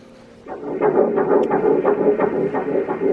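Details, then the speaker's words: Fetal heartbeat at an early pregnancy ultrasound scan: fast, regular whooshing pulses about 170 a minute, a normal early-pregnancy finding. "I think we're going to get a little picture and a little, we'll hear the heartbeat and stuff."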